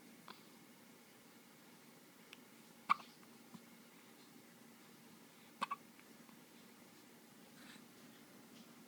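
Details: Person with hiccups: several short, sharp hiccup sounds spaced a few seconds apart in a quiet room, ordinary hiccups.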